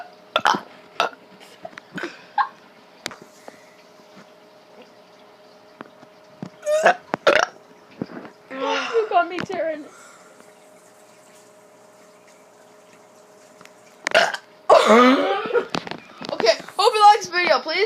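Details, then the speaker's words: Child with stomach pain after eating KFC reports unusually wet burps; several loud, drawn-out voluntary burps between short voice sounds and pauses. "okay so for some reason i'm having really really wet burps today oh my god oh god it's pointing towards the cameras"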